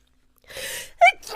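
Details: Adult female without allergies: drawn-in breath builds up, then one loud, explosive single sneeze.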